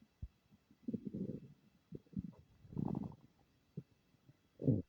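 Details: Person's stomach making unfamiliar noises: quiet, irregular gurgles and low rumbles with short pops between them; bowel sounds.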